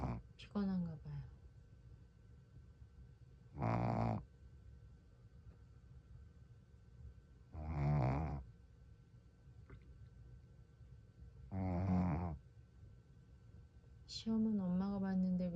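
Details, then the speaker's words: Shih Tzu dog asleep and snoring after becoming tired: low, buzzing snores about every four seconds, roughly 15 a minute, with brief voice-like sounds at the start and end. "강아지가 코를 걸고 자고 있어요"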